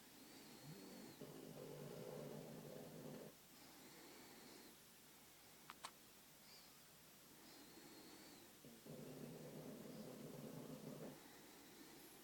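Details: Pug snoring in background while a baby sleeps: soft, rattly snores rising and falling with slow breaths in a quiet room, about two long snores in twelve seconds.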